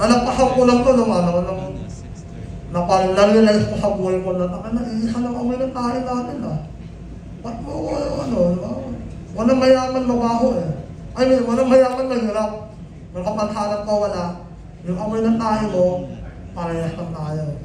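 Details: Male cast member of a film about people with nasal speech (ngongo), describing his own nasal speech, for which he was imitated and bullied in high school; hypernasal speech.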